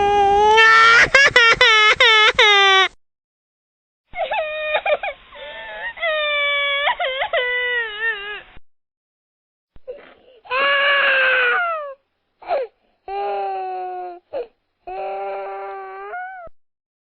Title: Baby Crying, Laughing sound All Baby sound effect